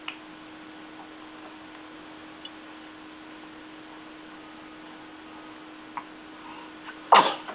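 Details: A quiet room, then a single abrupt, ordinary sneeze near the end.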